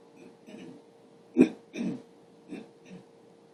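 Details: Elderly woman clearing her throat: several short, rough throat-clearing bursts in a quiet room, two louder than the rest.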